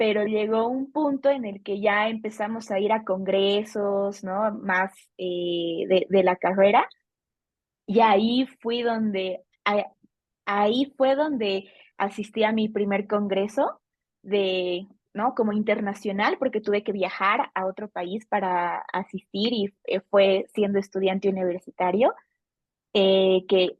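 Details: Adult female Bolivian speech therapist who has stuttered since age 4; stuttering.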